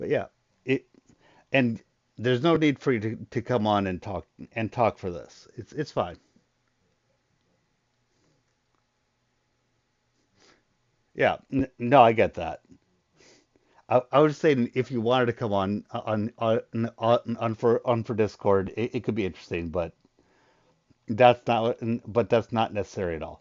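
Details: Adult male with a very large stutter, controlled only to a degree after extensive voice therapy; he still stutters; stuttering.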